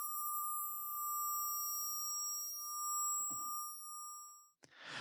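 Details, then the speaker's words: Synthesized tinnitus sound effect made in Phase Plant for use after explosions: steady high-pitched ringing tones that waver slowly, coming in and out over time; simulated ear ringing. "And again, I want it to be really slow just so you don't get this kind of steady tone. It kind of changes, it comes in and out over time."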